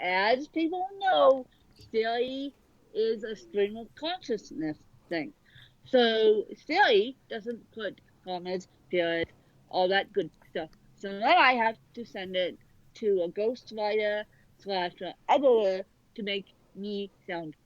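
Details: Real dysarthria in an adult woman with cerebral palsy present from birth that affects both sides of her body; dysarthria (cerebral palsy).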